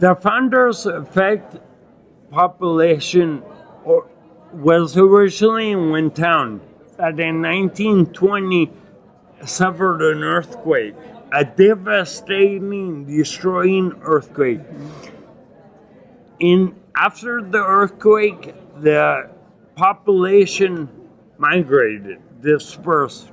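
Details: Adult man with acquired ataxia and myoclonus (Lance-Adams syndrome) after brain damage from Legionnaires' pneumonia and a 12-day induced coma, reporting difficulty speaking and articulating and getting winded; ataxic dysarthria.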